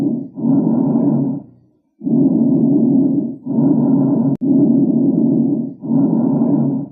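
Loud, harsh, hollow blowing breath sounds with distinct pauses between phases, and expiration as long as inspiration. These are bronchial breath sounds heard over the chest, an abnormal finding away from the trachea that suggests consolidated lung conducting airway sounds.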